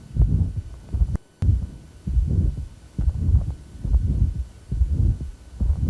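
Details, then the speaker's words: Pulmonary valve stenosis, mid-systolic murmur at the base, left upper sternal border: S1 audible, murmur crescendos to peak intensity, S2 heard after it. "so you can still hear first heart sand you hear the moon kind of grown into peak intensity"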